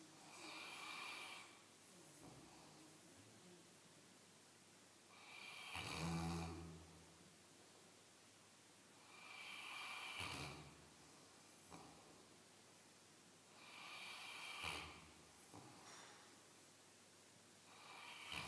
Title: Snoring St. Bernard